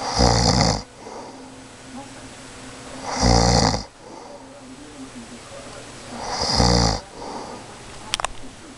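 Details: Adult woman (mother) asleep, suddenly snoring really loud: rough snores with each breath in, about 20 a minute, separated by quieter breathing.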